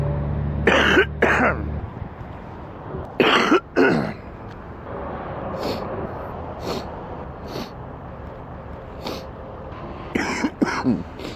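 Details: Sick man with an extremely stuffy nose: several groups of deep, loose, wet coughs, mostly in pairs, with quieter breathing between; wet productive cough.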